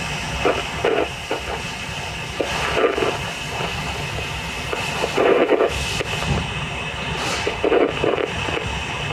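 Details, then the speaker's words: Rhythmic whooshing Doppler pulses through steady hiss, about 25 a minute but uneven as the crystal searches over a dog's dorsal pedal artery during a veterinary blood pressure measurement. "Gently place the crystal on it. And you should be able to hear your patient's heart rate."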